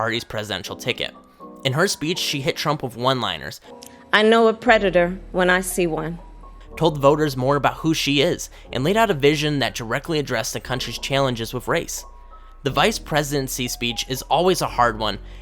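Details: Adult narrator; normal fluent speech.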